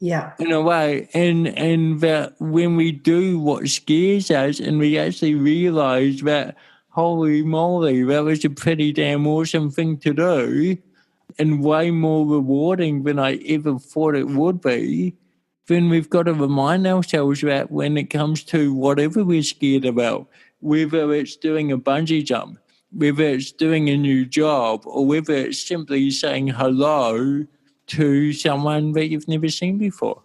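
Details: Dysarthria from congenital cerebral palsy in an adult male born in 1984, with walking also affected, who had daily speech therapy for his first seven years.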